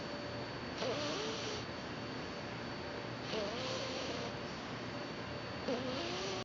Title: Snoring Bulldog Puppy